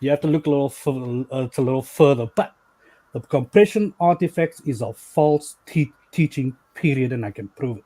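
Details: Stuttering in a male caller who says he stutters a bit.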